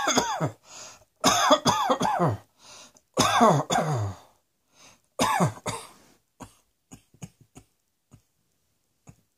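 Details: Deliberate, acted coughing: bursts of forceful coughs in quick runs, then faint throat clicks and breaths.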